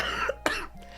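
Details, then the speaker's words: Adult woman who is sick gives a single short, sharp cough burst with a faint lead-in sound and quiet room noise; she likens it to a pack-a-day smoker's cough. "Like you listen to me and I cough like I'm a pack a day smoker and it's not cute."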